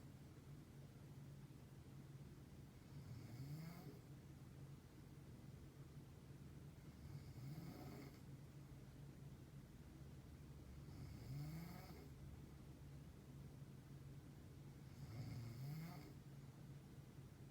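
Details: An adult woman (the recorder's mother) snoring in sleep: four regular rumbling snores about every four seconds, roughly 15 breaths a minute, over steady background hum.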